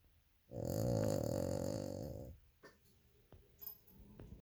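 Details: Cavalier King Charles Spaniel sleeping soundly: a single loud, buzzing, rattly snore lasting nearly two seconds, then quiet breathing with faint clicks. Snoring.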